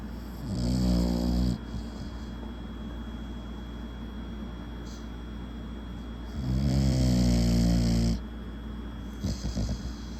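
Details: Two-year-old American Bully dog snoring heavily: two loud, deep, rumbling snores about six seconds apart, with quieter breathing between them over a steady room hum.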